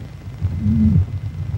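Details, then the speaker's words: Heart murmur in a child recovering from rheumatic fever: a low muffled chest sound with a brief rising-and-falling whoosh from faulty valve operation. "faulty valve operation gives the Romantic heart a characteristic sound called a murmur"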